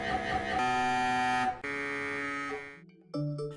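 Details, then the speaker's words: MRI scanner during imaging: loud steady electronic buzzing tones jumping in pitch between stretches, with tapping, thumping and clicking sounds. "the machine may make some tapping thumping and clicking sounds those noises usually sound something like this"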